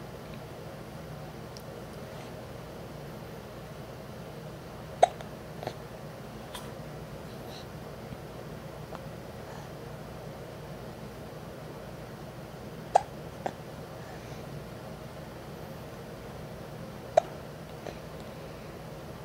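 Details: Hiccups: three short, sharp hiccup sounds about four to eight seconds apart against quiet room noise.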